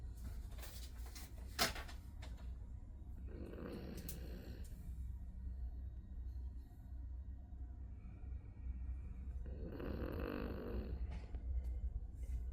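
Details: Two rough, rasping snores about six seconds apart from a small sleeping animal, loud for its size, over a steady low room hum; ordinary snoring during sleep.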